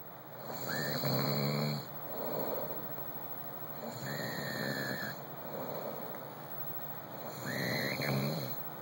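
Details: Husband asleep in the dark snoring slowly, about 18 a minute, each snore with a low rattle and a high whistle; snoring with whistling airway sound.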